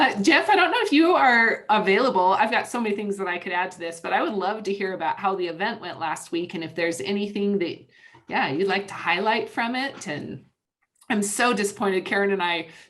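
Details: Adult woman speaking; normal voice.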